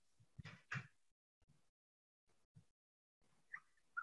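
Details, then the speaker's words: Simple vocal tic in Tourette syndrome: two quick, sharp spitting-like puffs of breath, then quiet; a simple phonic tic resembling spitting saliva. "Tiếng giống như tiếng núi nước bọt"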